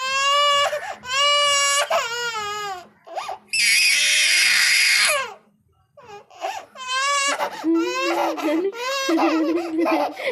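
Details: Young child crying in bursts, with wails, a loud breathy sob and whimpers in a small room.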